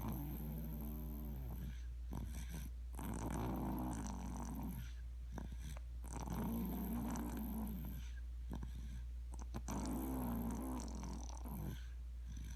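Repeated low, rumbling, growl-like snores over a steady mains hum; snoring in a sleeping dog.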